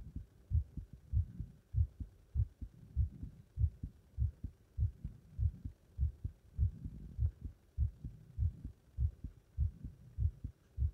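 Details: Heart sounds after leapfrog jumping exercise: fast, regular, low thumps at about 100 beats a minute; normal heart sounds with a rate raised by exercise.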